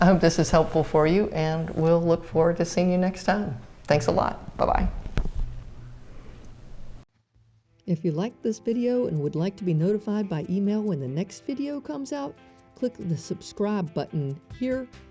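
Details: Adult woman speaking; normal speech.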